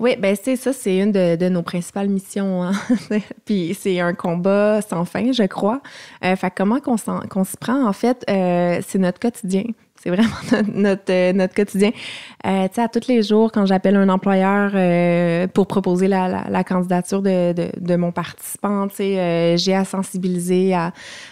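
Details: Adult woman speaking French; fluent speech.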